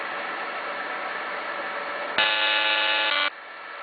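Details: Fractional CO2 laser for skin resurfacing, single-scan (repetition off) demonstration: steady machine hum, then a louder buzzing tone about one second long as the laser fires, then the hum returns.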